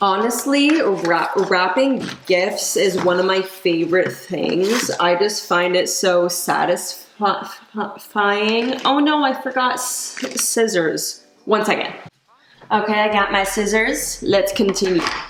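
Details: Adult woman who stutters; she reports that caffeine worsens her stutter and anxiety, and she recently gave up coffee but still drinks tea and decaf; stuttering.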